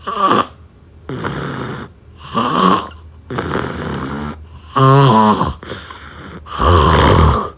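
Loud, rattling snores on each in-breath alternate with quieter, rougher out-breaths, over about four breath cycles.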